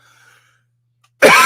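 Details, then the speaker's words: Single abrupt, harsh adult cough after a near-silent pause, cut off at the end; lingering post-viral cough, mainly on live streams, seemingly okay during the day, with a doctor visit about two weeks earlier. "you i only cough when went on live streams as field guy yeah that's it it seems to be okay during the day"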